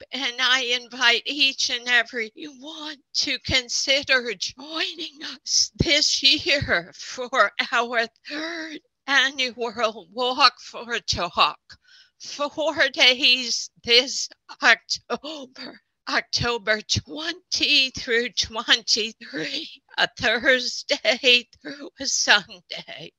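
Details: Adult speaker who counts himself among people with spasmodic dysphonia; spasmodic dysphonia.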